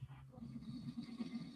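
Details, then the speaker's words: A low, rough, fluttering rumble with faint room noise, an adult man snoring audibly in the background. "Oh shit, you can. Yeah, you can hear him snoring."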